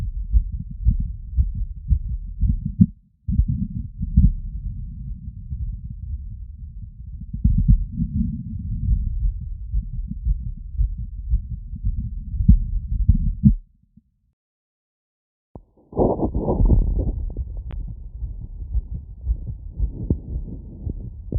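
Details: Wireless stethoscope heart auscultation after a 3 km run, standing slightly tilted, all frequency modes, over valve areas including Erb's point: very fast regular heartbeat about 150 bpm, sinus tachycardia, with handling noise.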